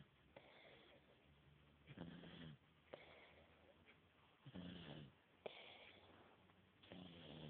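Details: Low rattling snores on the breath in, about six, with quiet pauses between; ordinary snoring.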